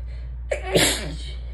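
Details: Tickly sneeze after buildups: a brief indrawn breath followed by a single forceful sneeze, with a steady low hum in the room.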